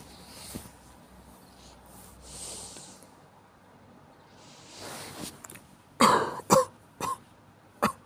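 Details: Adult with a common cold: after quiet breathing, a short run of about four dry, forceful coughs; cough due to a cold.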